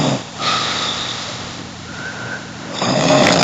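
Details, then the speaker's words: An example of a snore in a humorous explainer on why people snore: a loud, rough, rattling breath noise that swells, eases, then swells again. "bien sûr le ronfleur mélodique celui qui varie les plaisirs sonores toute la nuit"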